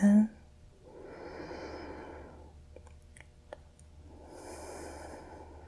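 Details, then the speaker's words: Two slow, soft breaths in and out through one nostril while the other is occluded during a role-played ASMR nasal exam (simulated), with faint clicks between; nothing clearly abnormal heard. "I'm going to include the other side so if I can have you just breathe in breathe in"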